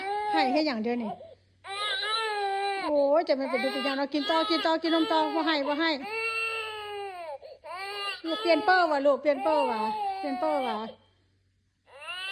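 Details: Infant crying after feeding, apparently still not full: loud, sustained crying in repeated wailing bursts with brief breaths between, ending in a pause; faint room noise behind.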